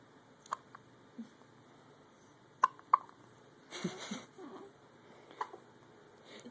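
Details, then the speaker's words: Newborn twins both have hiccups at the same time: soft, sharp little clicks at irregular intervals; hiccups. "both have the hiccups. Mom, do you hear this? Y'all both have the hiccups."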